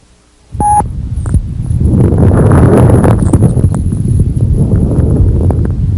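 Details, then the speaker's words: Low-pitched crackles on lung auscultation, due to sudden opening of very small airways; crackles. "crackles are due to the sudden opening of very small Airways"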